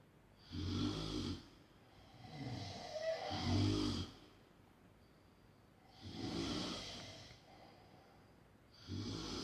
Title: Snoring XXXL / Smrčanje XXXL ASMR Extreme :)